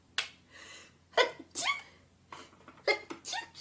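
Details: Young woman sneezing during a makeup session, tagged allergies and sinuses: about four quick, sharp, explosive sneezes in a row over a few seconds.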